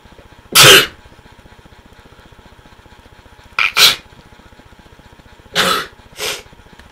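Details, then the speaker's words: Man inducing sneezes by sticking a rolled-up tissue in his nose while trying to keep his eyes open: several short, sharp bursts of breath noise, sneezes and snorts with no clear build-up breath, over a low steady hum. "So I'm gonna roll up a piece of tissue. I'm gonna stick it in my nose and hopefully I can sneeze."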